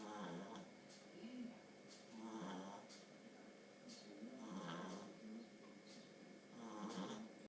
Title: Pug puppy 9 weeks old 'Dudley Snoring'